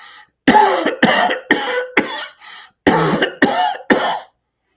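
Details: Adult imitates a run of about six dry, harsh, wheezy coughs in quick succession: a spasmodic dry cough, cited as an indication for mullein.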